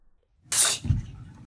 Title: Sneezing